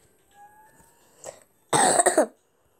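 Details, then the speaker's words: A sick child gives a short, forceful burst of two quick coughs after a quiet stretch. "this cough is really too stupid and terrible"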